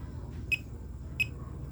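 Two short electronic beeps about 0.7 seconds apart over low room hum, a pulse oximeter sounding each detected beat, near 80 per minute.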